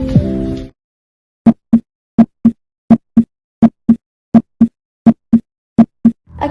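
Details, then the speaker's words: Clear, regular lub-dub pairs at about 83 beats a minute, loud and crisp at the mitral focus (heart apex, closest to the chest wall); normal first and second heart sounds on auscultation. "los latidos se escuchan más fuertes y claros, ya que corresponde al ápice del corazón, que está más cerca de la pared torácica."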